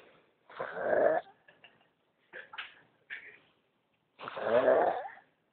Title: Funny Snoring